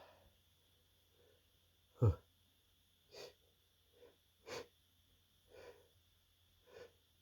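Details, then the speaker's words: Person sneezing repeatedly, announcing "I gotta sneeze" and saying "excuse me" between them: about six short, soft sneeze-like bursts over seven seconds, with a steady background hum. "I gotta sneeze. Oh, oh no, I gotta sneeze. Whew. Excuse me."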